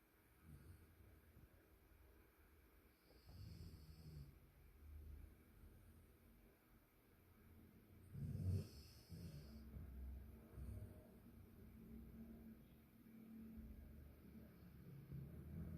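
Soft, low rumbling breaths with one louder snorting snore in a quiet room; snoring.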